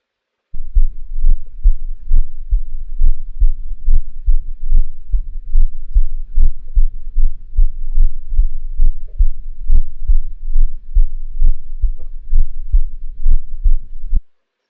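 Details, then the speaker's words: Regular heart sounds near 69 a minute with scratchy triphasic extra sounds, louder at the left sternal border while leaning forward: pericardial friction rub. "triphasic Mara louder at the left stel B while leaning forward this is parial friction Dr"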